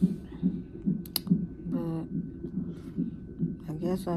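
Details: Woman 34 weeks pregnant in labor and delivery triage with severe pain and pressure, possibly Braxton Hicks. A good, strong fetal heartbeat on the monitor: steady, rhythmic whooshing about 140 beats a minute, faint background voices. Normal.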